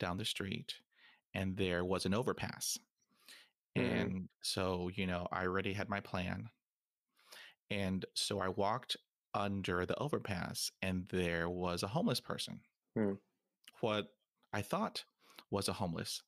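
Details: 28-year-old man who has stuttered his whole life, since about age three, real speech; stuttering.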